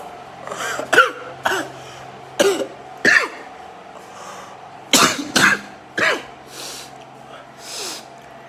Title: I can’t stop sneezing 🤧 #funny